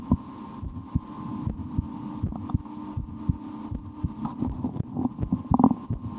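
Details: Heartbeat heard through a stethoscope on the chest of a person who holds their breath at times and tries to raise their heart rate: soft, regular thumps over a steady hum, with rubbing noise toward the end; normal heart sounds.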